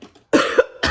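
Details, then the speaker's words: Adult who is sick of coughing and reports chest pain from coughing so much gives a harsh, forceful cough, with a second cough beginning at the clip's end; cough. "Excuse me, y'all. I'm so sick of coughing. I didn't cough so much, my chest hurt. Like, it literally hurts my chest cavity to cough."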